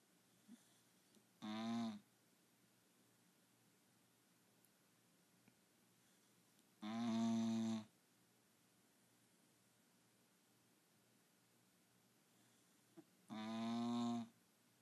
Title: Lola snoring